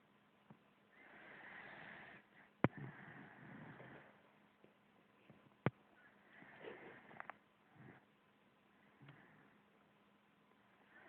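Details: Sleeping animal snoring: soft, rough, breathy sounds in uneven bursts, with a couple of sharp clicks.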